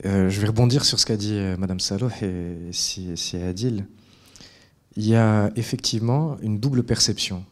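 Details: Adult male speaker; normal speech.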